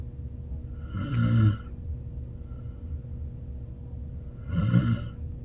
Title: Sleeping Beauty snoring again 😴